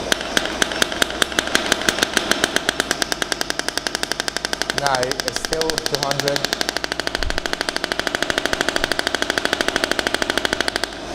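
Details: Shockwave therapy handpiece firing, frequency started at minimum and power at maximum (200 millijoules), then frequency increased; rapid regular sharp clacking pulses with brief beeps partway, on a combined air-compression and electromagnetic device.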